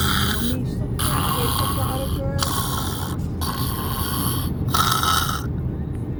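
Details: Sleeping person: four loud, rough breathing noises with short gaps over steady low rumbling background noise; snoring.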